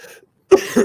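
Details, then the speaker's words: A faint sound, a pause, then a single abrupt, harsh cough from an adult who says he has been really sick, recorded in a small room during a live stream. "I've been sick for like this is how it is you can hear my cough"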